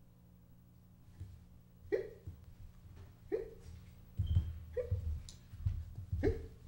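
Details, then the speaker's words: Ordinary hiccups: about four soft, abrupt hiccups roughly every second and a half over a low room hum, before a hiccup cure is suggested. "you have hiccups yes well you're in luck because i know cures"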